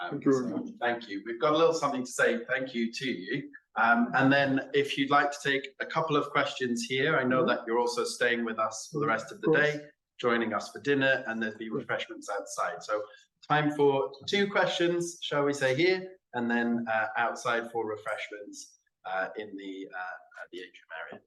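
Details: Adult male speaker; ordinary fluent speech.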